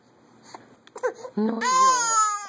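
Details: Baby makes brief soft vocal sounds, then breaks into a loud, high, sustained wailing cry while mother is singing: infant crying.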